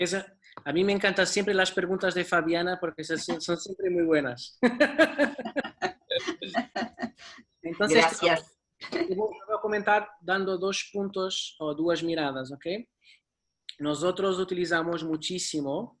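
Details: Adult male speaker; normal speech.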